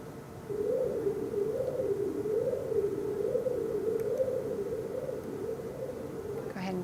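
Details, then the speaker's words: Steady, gently undulating continuous pulsed-wave Doppler hum from the portal vein, scanned from the anterior abdominal window during a breath-hold. Flow is above baseline, toward the transducer: a normal portal vein signal. "and here we show that the flow is above the baseline coming toward my transducer and this is exactly what we want the portal vein to look like"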